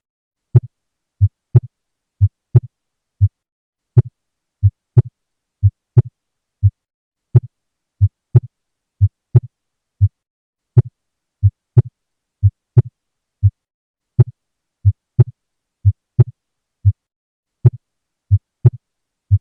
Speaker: This voice indicates Loud Second Heart Sound